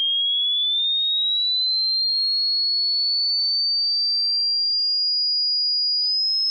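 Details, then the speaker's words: A pure whistle-like tone rising slowly in pitch over about six seconds: a low-to-high frequency sweep played for a hearing range test, where the listener pauses at the point the sound is lost. "Let's listen... Get a finger tip prepared to press PAUSE. Are you ready?? 3 2 1 [Tweeting a sound"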